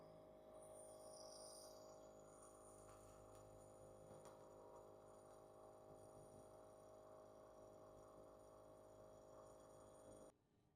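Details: Compressor nebulizer running, steady mechanical drone with fast faint pulsing, stopping abruptly when turned off at end of treatment; demonstration of nebulizer with face mask for asthma or bronchitis patients.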